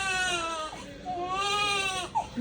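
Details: Newborn baby girl being burped for the first time, crying: high, wavering cry in two long drawn-out wails with a brief catch between them.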